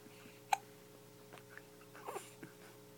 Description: My newborn hiccups n burps pretty funny